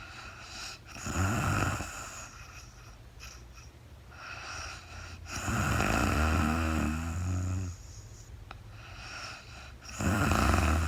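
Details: Real-time recording of a woman asleep, very tired: low buzzing snores with some snorting on her breaths in a quiet room, no talking; snoring during sleep.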